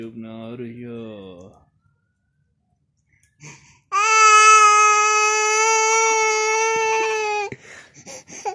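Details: Infant whimpers briefly, falls quiet, then gives a long, steady, high-pitched wail; recorded during snowfall in January 2019, Danyore, Gilgit; infant crying.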